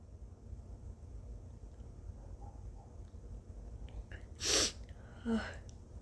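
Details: Two sneezes about a second apart, first sharp and loud, second smaller, forced by tickling a very congested nose with a turmeric-dusted tissue after turmeric burned going in.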